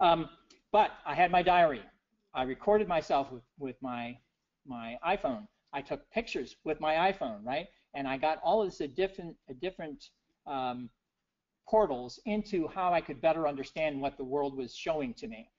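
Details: Adult man with aphasia after a stroke in 2011 that initially left him unable to read, write or speak well; he reports persisting word errors, such as wrong numbers and mispronounced words; aphasia after stroke.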